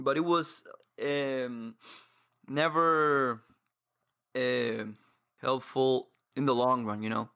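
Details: 22-year-old man who has stuttered for as long as he can remember, reporting blocks and difficulty speaking; surrounding speech contains pauses and blocks; stuttering.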